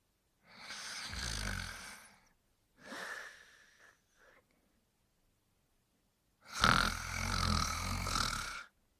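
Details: Simulated snoring from the cartoon dog Brian Griffin sleeping: three loud, rough, rattling breath sounds separated by pauses.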